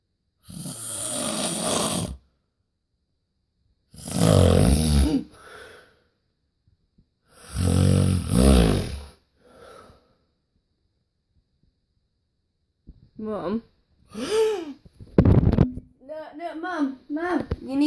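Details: Heavy snoring: loud, harsh, rattling snores with each breath in, separated by quiet pauses, later softer, shorter snorting breaths.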